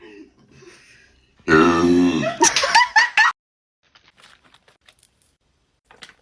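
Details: Woman burping: one long, deep, rumbling belch followed by several short burp-like bursts, then quiet. Burping.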